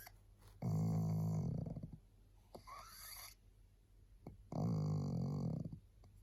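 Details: Tired pug, so sleepy she can hardly hold her head up, gives two long, loud, rattling snores with a quieter breath between them; pug snoring.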